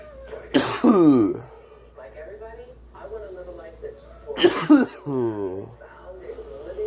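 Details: A person coughing.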